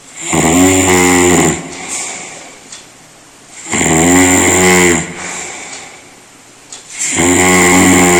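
Very loud, harsh, rumbling snores about every three to four seconds, each followed by a softer breath out; heavy snoring.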